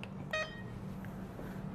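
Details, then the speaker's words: Single short electronic beep over quiet room hum as the Start button is pressed on an infusion pump in a nursing demonstration, drops then detected by its indicator light; normal start tone. "Ya sudah kalau sudah lockscreen maka ditekan tombol Start"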